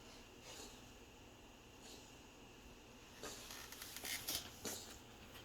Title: Drumstick coughing 2